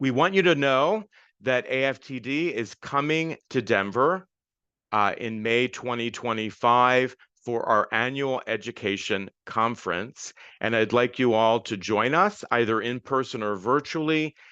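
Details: Adult speaker; typical speech.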